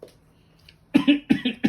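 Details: A child gives a quick run of deliberate, voiced coughs after a quiet pause while demonstrating cough etiquette by covering the cough. This is a harmless voluntary cough.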